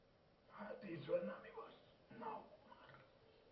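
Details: Dysphonia from laryngeal cancer: a large tumour on the larynx impairs vocal cord movement and erodes the area so the cords cannot seal on exhalation.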